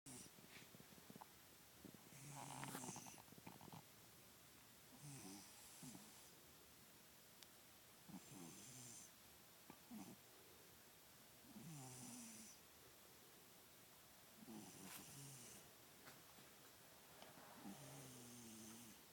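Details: Soft, rhythmic snoring from a sleeping cat that always snores in sleep, about 7 breaths in 19 seconds, with a faint high whistle on each breath.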